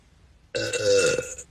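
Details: Woman burping while drinking: one loud, prolonged, voiced belch lasting about a second.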